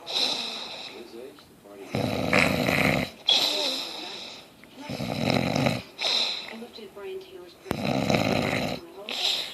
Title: I dont snore...